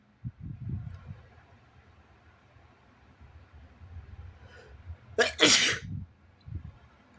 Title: sneezes & noseblows (he/they)